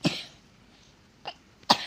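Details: A young child sick with fever, cough and shortness of breath gives two to three short, dry coughs with quiet gaps between.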